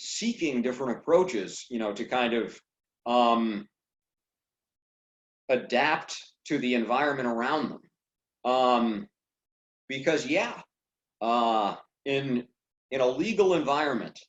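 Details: Adult man who stutters, speaking on a stuttering podcast; stuttering.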